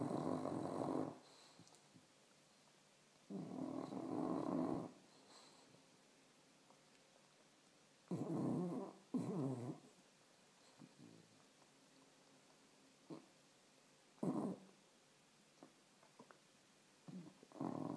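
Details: Bailey the dog snoring while asleep: loud, rattling snores, about four in 18 seconds, with quiet pauses between.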